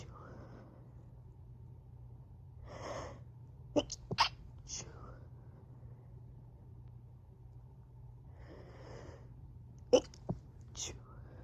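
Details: Stifled sneezes by a person home alone, recorded a few hours apart in different rooms and stitched together.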